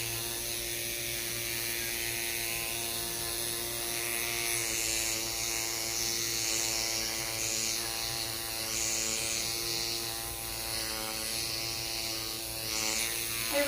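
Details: Microneedling pen running during a neck and décolleté rejuvenation treatment with stem cell growth factors: steady high buzzing whine, continuous, with soft room noise.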